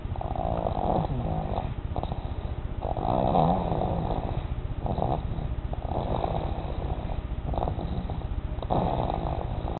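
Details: Steady low rumbling and fluttering breath noise from a sleeping dog, with repeated snorty bursts throughout; snoring.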